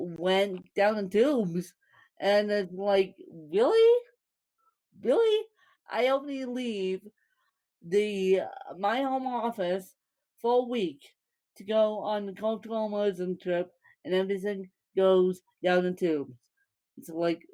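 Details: Woman born with cerebral palsy, speaking; dysarthria associated with cerebral palsy.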